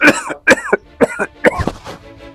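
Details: An adult man in a comedy sketch gives a run of about four acted coughs, loud at first and then trailing off; this is a simulated cough.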